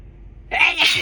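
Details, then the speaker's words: A single forceful induced sneeze after a quiet pause from an adult with a cold caught from their partner, who also has coughing and nose blowing. "I feel like these just keep getting stronger and stronger. But hey, I'll keep sneezing as long as my nose is willing to to take the brutality of it."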